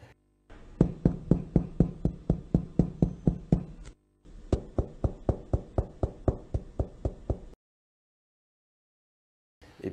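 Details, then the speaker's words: Chest percussion taps giving a hollow, drum-like tympanic note from air between lung and chest wall, as in pneumothorax. "donc c'est que de l'air s'est interposé entre le parenchyme et et la paroisse donc c'était un peu venir d'un pneumothorax ou alors simplement de bulles d'emphysème en dessous"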